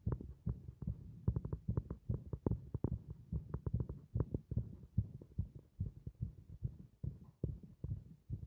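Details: Heart beating against compression: rapid, somewhat irregular, muffled low thudding beats, roughly 140 a minute. Fast heartbeat.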